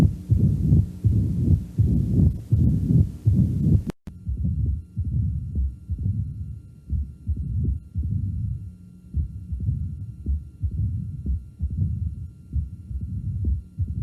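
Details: Low-pitched heart sounds at about 80 beats a minute with a rumbling murmur between beats: mitral stenosis.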